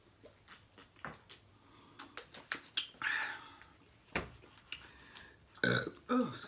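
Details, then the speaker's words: Several loud, throaty burps amid wet chewing and lip-smacking while eating blue crabs. "Oh, excuse me, y'all. I know y'all like them burps."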